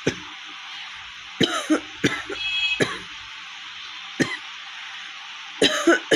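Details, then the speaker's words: Real cough in a woman with a cold and one week of fever, throat hoarse, recorded in a shop: about seven or eight harsh coughs in short runs with quiet room noise between. "প্রচণ্ড কাশি হয়েছে বন্ধুরা, মানে গলা পুরো ফেটে গেছে, দেখতে পাচ্ছি।"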